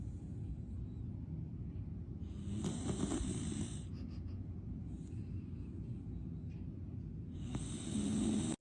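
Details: Low, rumbling, fluttery breathing noise from a sleeping black dog, with brief high-pitched background tones; dog snoring.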